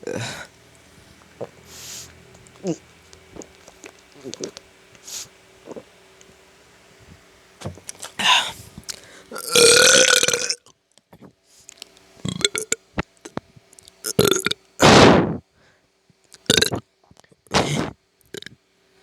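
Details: Several loud, rough belches among quieter clicks and mouth noises in a quiet room; repeated burping.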